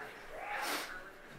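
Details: 11-year-old girl with persistent hiccups that would not go away; hiccup sound.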